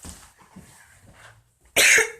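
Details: Coughs recorded at home in a casual video; cough.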